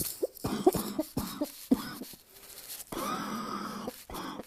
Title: Asthma cough, barking cough